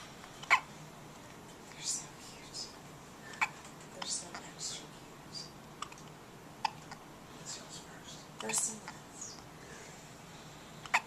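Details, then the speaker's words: Newborn twins both hiccupping: soft, sharp, repeated catches in the breath, heard quietly against room noise; hiccups. "And they both have the hiccups. In a competition with each other."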